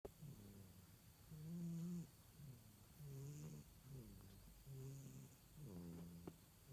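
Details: Someone napping and snoring: soft, regular, low hum-like snores on each breath against a quiet background hiss.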